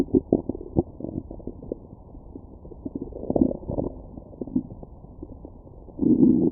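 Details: Stomach bowel sounds recorded through a stethoscope after a McDonald's meal: muffled gurgling and rumbling with clusters of bubbling pops and a longer growl at the end, normal digestion sounds.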